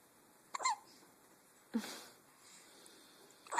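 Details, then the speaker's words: Female with hiccups: three short, soft hiccup sounds over a few seconds against faint room noise. "Her hiccups are so cute. I know, her hiccups are the cutest."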